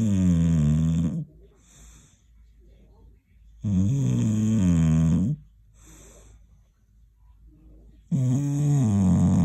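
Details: Loud, low, rattling snores on each breath, about 14 per minute, with quiet pauses between them; ordinary snoring.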